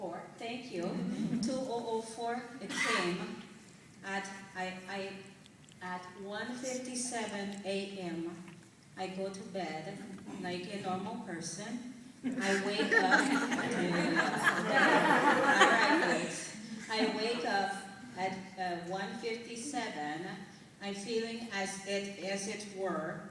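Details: Adult woman whose dialect changed immediately after a brain injury mimicking a stroke in 2004, heard by her uncle as Jamaican, still very slow after six months of speech therapy, reading scripture aloud; foreign accent syndrome.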